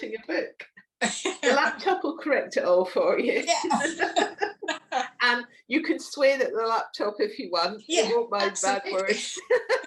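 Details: Adult woman speaking; Normal speech.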